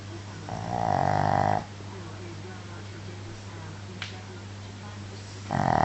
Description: really loud snoring from a tiny shih tzu